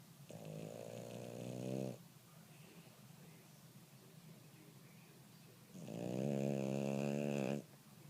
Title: Snoring Pup